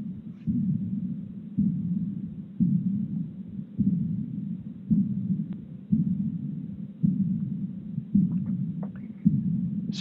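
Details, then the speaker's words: Decrescendo diastolic murmur heard over Erb's point, steady heartbeat near 55 a minute with a fading blowing murmur after each beat, consistent with aortic regurgitation. "hear a decrescendo diastolic murmur right over herb's point which is consistent with aortic regurgitation"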